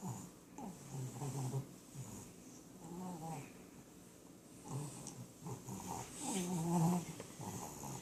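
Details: Female dog snoring with her eyes open: rough, rumbling snores with snorting, whistling breaths rising and falling with each breath; snoring.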